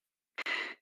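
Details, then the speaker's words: Simulated laryngotracheal breath sound, the first comparative breath sound auscultated at the lung apex, imitated by blowing through a hand curled into a tube. "Hagan la mano en forma de tubo, enrollando así y soplen. Ese es el ruido que se ausculta en el ruido o soplo laringotraqueal, que es nuestro primer ruido comparativo en el vértice."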